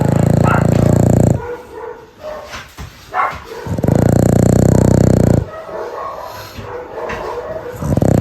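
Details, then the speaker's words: Dog snoring heavily: very loud, deep, rumbling buzzes alternating with quieter snorting breaths: snoring. "今天给你们听一下丫头的呼噜声，接下来我就什么话都不说了，你们只需要静静听她打呼噜的声音。"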